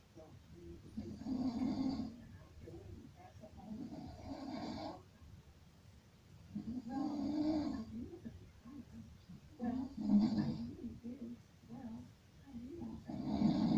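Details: Sleeper snoring: irregular, buzzing snores with a rough, vibrating quality, rising and falling with breathing over a low room hiss; snoring.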